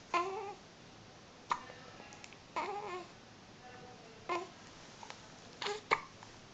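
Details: Newborn only a few days old, still in hospital: five brief, abrupt catches of breath with a short voiced squeak, about a second or more apart in a quiet room; infant hiccups.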